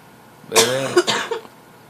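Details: Infant sneezing: a single short, sharp burst of air with a brief voiced catch.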